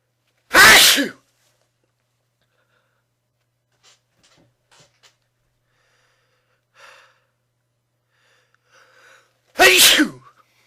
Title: Loud sneezes